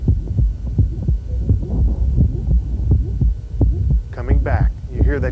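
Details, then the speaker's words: Hypertrophic obstructive cardiomyopathy during handgrip, which raises afterload and lessens or delays obstruction: a high mid-systolic squeak that comes and goes, regular heartbeat near 86 a minute. "so let's listen as he goes through the sequence of hand grip and listen to the what happens with the murmur there it comes on"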